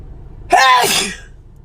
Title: TikTok Sneezing 49